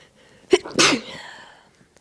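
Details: Induced sneezing: a quick intake followed by one sharp, explosive sneeze trailing off in a hiss; a single sneeze.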